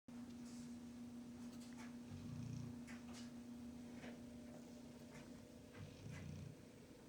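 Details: Two low, rumbling snores about four seconds apart from a soundly sleeping pitbull dog, over a steady background hum; ordinary sleep snoring.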